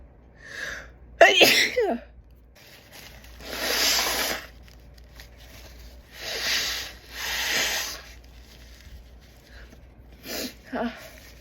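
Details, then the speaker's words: Adult woman with a runny, sniffly, itchy nose for several days: a quick gasp, one sharp forceful sneeze, then several long sniffing breaths and small snorts; sneezing. "My nose has been really runny. Not runny, but like sniffly and kind of wet for the past few days. So, I guess it's more sensitive."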